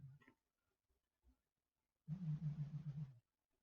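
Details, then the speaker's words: A single loud, low, rattling snore about a second long from a pet cat sleeping a few feet from the microphone, with a brief voice fragment and quiet room sound; cat snoring. "All right, yeah, that's cat snoring right there. Yeah, so that's been happening for a while. So if you've been hearing that in the background, that's what it is."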